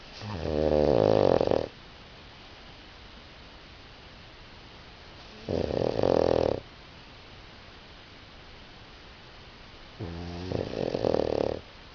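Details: Pugs snoring while napping: three loud, rattling snores on the in-breath about 5 seconds apart, roughly 12 breaths a minute, with quiet room noise between.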